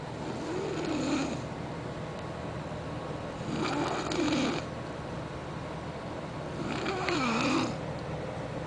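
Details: Three rough, fluttering snores about seven seconds apart, roughly 19 a minute, with steady background hum; ordinary snoring.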